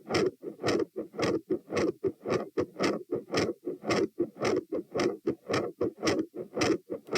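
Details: Recorded at position T while standing, 108–120 bpm: fast, loud heartbeat near 110 a minute with rough, whooshing noise between beats; gradually changing S2 murmur and intermittent machinery murmur.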